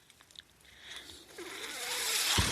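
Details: Speaker's own mechanical ventilator breath cycle: a few soft clicks, then a steadily rising airy hiss with a faint whistling tone as the machine pushes in a breath.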